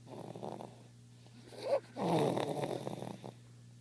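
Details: Sleeping dog snoring: soft, rattling snorts and snuffling breaths in a quiet room; light snoring.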